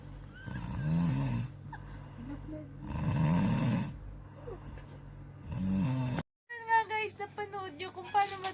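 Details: Person sleeping and snoring: three loud, rattling inspiratory snores, about 25 a minute, with quieter breathing between, then brief background sounds.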